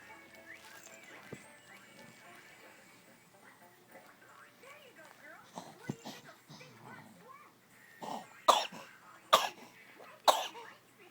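Three sharp, harsh coughs in quick succession near the end, after quiet background sound.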